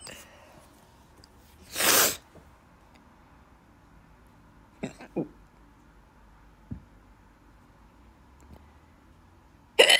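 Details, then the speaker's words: Person sneezing and hiccuping together, saying it hurts their stomach: a loud sneeze, then a few short sharp hiccups spaced seconds apart in a quiet room; ongoing hiccups with sneeze. "Hiccuped and I lost my sneeze. It's really hard to have them together, like sneeze and hiccup."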